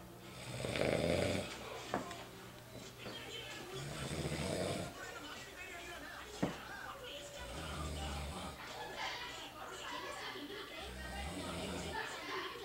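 Loud, rough snores during inhalation, several cycles with quieter breaths between, over background voices and music; snoring.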